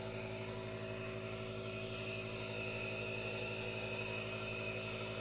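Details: Aerosol nebulizer running for a no-talking ASMR relaxation recording with hand movements: steady mechanical drone with a faint hiss, unchanging throughout.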